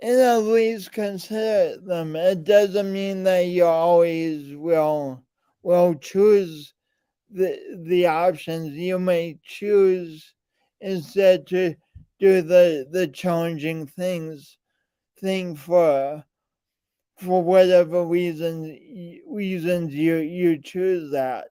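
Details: Speech impediment present since birth, with coordination differences; still present in adulthood.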